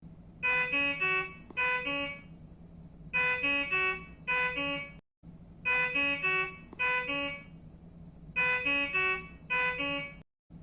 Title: Alarm ringing sound effects - Infus Pump error alert